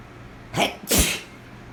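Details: Sneezing fit after a shower: two quick explosive bursts of air, a short intake then a sharp expulsion.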